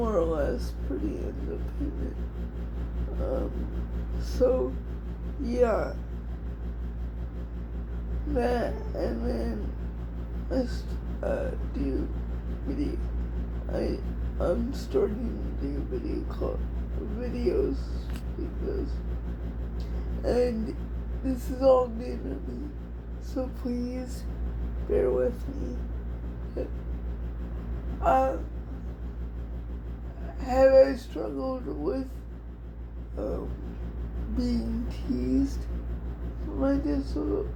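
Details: Adult female with cerebral palsy, diagnosed at 6 months old, which she thinks is level 4 or 5, affecting all parts of her body, including her hands and somewhat her speech; she also has dystonia. Dysarthria (cerebral palsy).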